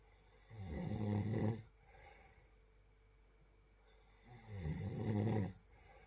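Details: Two deep, rattling snores on the in-breath about four seconds apart, with quiet breathing between; ordinary snoring.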